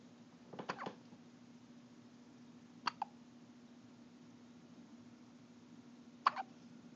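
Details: Three short, abrupt hiccup sounds a few seconds apart against a steady low hum.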